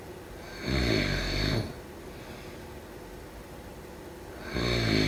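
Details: Loud, harsh snores on the in-breath, roughly every four seconds, with steady background hiss between; snoring during sleep.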